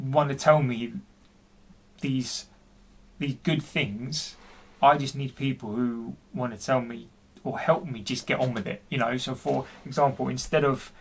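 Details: Adult man, 40, who stammers and reports intense depression for which he has seen his GP; speech with repetitions; stuttering.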